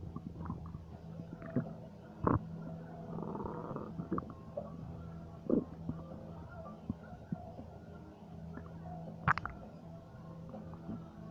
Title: Stomach Noises 4